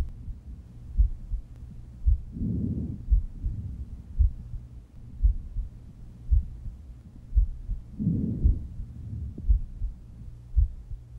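Soft, low rustling breaths over the chest with steady heartbeats behind them: normal vesicular breath sounds.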